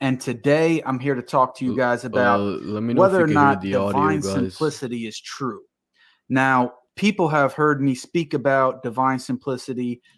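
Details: Adult man speaking; ordinary speech.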